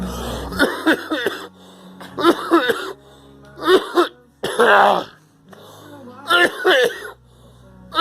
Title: Girl coughing